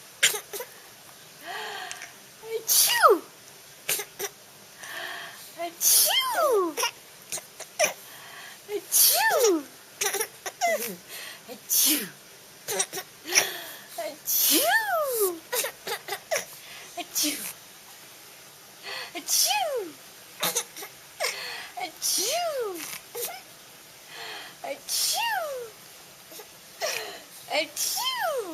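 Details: Repeated short, sharp sneezes, each followed by a young boy's high, gliding laughs and squeals; he finds sneezing hilarious.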